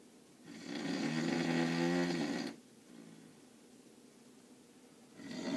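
A loud, rattling, fluttering snore on the in-breath, then quiet breathing out, with the next snore beginning. Adult snoring in sleep.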